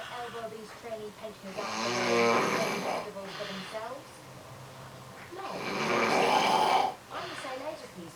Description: This is my hubby snoring.. this is quite quiet for him..